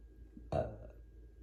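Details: Attempted induced burp yielding only hiccup-like burps: a single short burp over low room hum; a belch.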